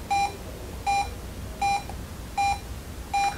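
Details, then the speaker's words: ECG teaching example: regular monitor beeps about 80 a minute, one per heartbeat, with P waves, QRS complexes and T waves present and a P wave before every QRS; normal sinus rhythm. "Okay, do you hear the beep? That's each heartbeat."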